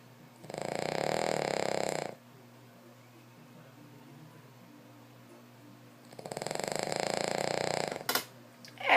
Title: Elliott the snoring King Charles